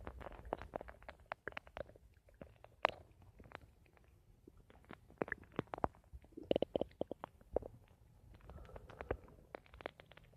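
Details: Bowel sounds (borborygmi).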